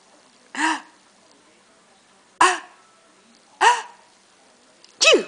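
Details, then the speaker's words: Child's playful fake sneezes on request: four short, sharp voiced bursts a second or so apart, imitation rather than real sneezes. "oh really because sneezing her fake Sneezy I had her doing it too everyone was fake sneezing to get a chance to laugh"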